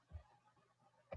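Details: Barking (croupy) cough.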